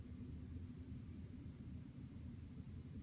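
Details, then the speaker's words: Abdominal assessment with the stethoscope bell over the aortic, renal and iliac arteries: steady low rumbling with no whooshing sound, so no abdominal arterial bruit. "I'm not hearing any through Esau repetitious sounds early and again no breweries or abnormal sound sound sort of like a whooshing sound"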